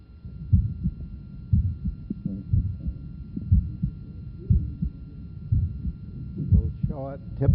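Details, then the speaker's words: Regular heartbeat near 60 a minute with a short, soft innocent systolic murmur. The second sound has a wider split that does not become single with expiration. "innocent murmur note innocent systolic murmur and also a wider split of the second sound which does not become single with expiration"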